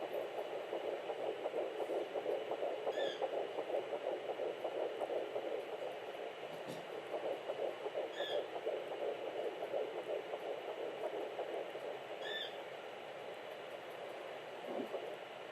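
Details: Home fetal Doppler at 9 weeks 5 days (almost 10 weeks) with twins: rapid rhythmic whooshing fetal heartbeat about 165–170 bpm; twins' rates 170 and 180 this week, hard to distinguish.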